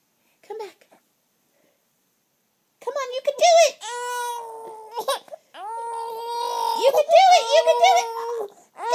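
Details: Infant during tummy time, practicing rolling: a brief whimper, then drawn-out fussy crying wails with short catches between them; an infant crying.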